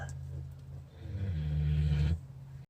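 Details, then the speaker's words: Sleeping pig, one of three pigs napping in the sun, snoring with a deep, low rumbling snore that rises and then falls away. "so we have a snoring Pig Little Miss Piggy down there snoring up a storm not sure we can hear it who knew a snoring Pig"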